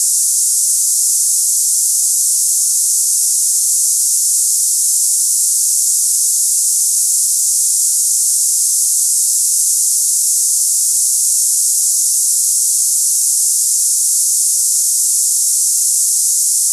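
Steady high-pitched hissing, cicada-like, with no breaks; a simulated sound for comparing against cicada-type tinnitus.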